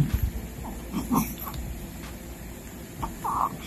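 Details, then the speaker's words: Six-week-old boy with laryngomalacia, diagnosed as moderate: brief high-pitched squeaky gasps during breast or bottle feeding, like choking on milk or gasping for air on swallowing; inspiratory stridor (laryngomalacia). "every time he would breastfeed or drink breast milk from a bottle we noticed that he would have these choking episodes where it sound like he was gasping for air or choking on milk you know whenever he would swallow"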